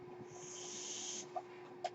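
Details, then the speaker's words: The speaker's own home mechanical ventilator running normally during podcast speech: a steady airy hiss with a faint hum, then brief soft clicks. "Hello everyone, that noise you're hearing is my ventilator."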